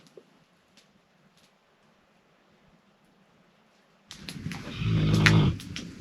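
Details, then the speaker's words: Several seconds of quiet room, then a single loud, low, rumbling snore building and fading over about 1.5 seconds from a female dog lying on the bed while camping, who snores fairly often; snoring. "Ce que vous avez entendu, c'est Daisy qui ronfle. Elle est couchée sur le lit, puis c'est une chienne qui ronfle assez souvent."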